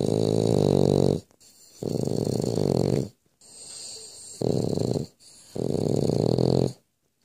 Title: French Bulldog Snoring.